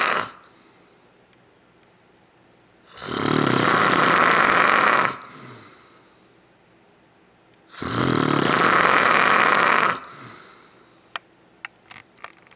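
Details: Man secretly filmed while sleeping: two long, loud, rattling snores on the in-breath, about five seconds apart, with quiet between them; snoring.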